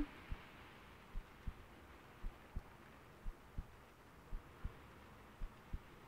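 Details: Soft paired lub-dub thumps of about 55 beats a minute over quiet background hiss, in an ASMR girlfriend role-play where songs are sung to help the listener sleep; steady heartbeat.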